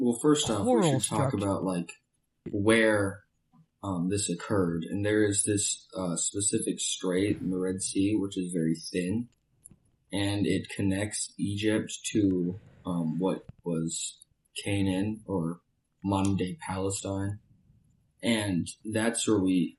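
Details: Adult male speaker; normal voice.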